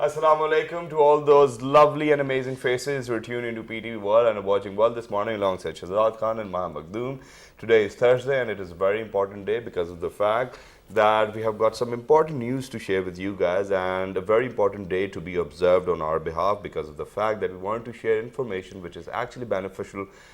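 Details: Adult male presenter; normal speech.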